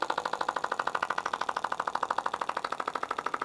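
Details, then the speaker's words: Rapid even tapping pulses about 195 a minute, the rattling buzz of a shockwave therapy wand with gel moved over a female client's abdomen by a pelvic floor physical therapist, demonstrating pelvic health treatment. "I'm going to put a little bit more gel we're going to treat the abdomen right now give you an example there's definitely a sensation to this wand she's felt that before"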